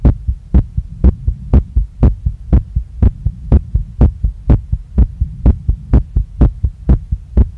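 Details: Female's heart recorded right after a workout, pounding so strongly she felt it in her chest, neck, face and stomach and saw her chest move with each beat; fast, strong, regular thumping about 120 a minute with a steady hum; rapid heartbeat after exercise.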